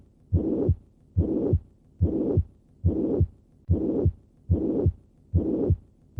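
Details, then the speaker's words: Holosystolic murmur of constant intensity from mitral regurgitation, heard best at the cardiac apex. "in summary mitral regurgitation presents with a holosystolic murmur of constant intensity which is heard best at the cardiac apex listen once again to a patient with mitral regurgitation"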